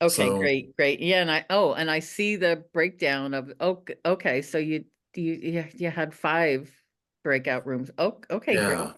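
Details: Adult woman who stutters, speaking at a stuttering support-group meeting; repeated syllables and words heard; stuttering.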